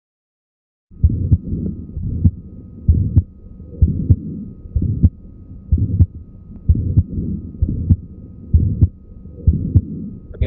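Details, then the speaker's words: Pediatric auscultation example of a mid-systolic click, heard as a seemingly split first sound, in the context of Marfan syndrome with mitral valve prolapse: regular heartbeat near 65 a minute with a sharp extra mid-systolic click. "Esto es un clico es histórico. ¿Cómo se ve? Oye un primer ruido desdoblado."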